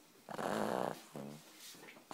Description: French bulldog snoring away